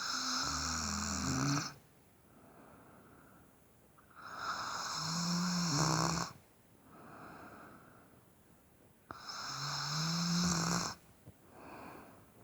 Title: Snore snore snore